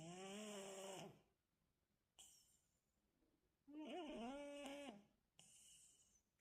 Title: the sweetest snoring 💕#cat #cats